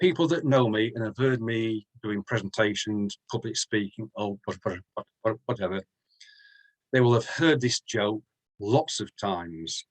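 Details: Adult man from the UK who stammers, including during presentations and public speaking; stuttering.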